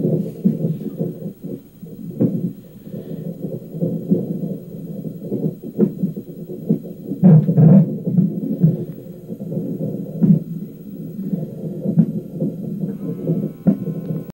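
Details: Fetal hiccups: a low, rapid, whooshing fetal heartbeat broken by sharp, recurring thumps from the hiccups, a normal fetal movement.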